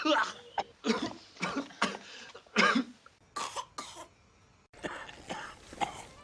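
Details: Acted coughs and throat-clearing from film scenes in a supercut of cinematic coughs and sneezes: several short, separate coughs with brief speech between them.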